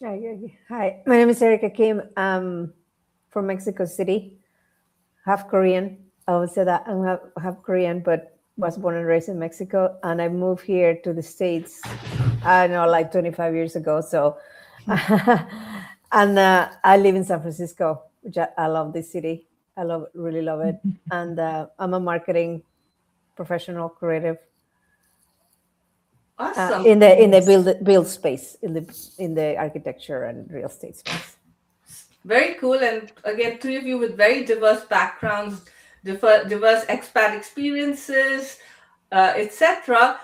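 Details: Adult woman with a stutter present since childhood. Stuttering.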